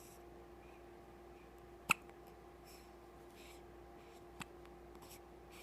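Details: Hiccups: in a quiet room with a steady low hum, one sharp, abrupt hiccup and then a fainter click a few seconds later.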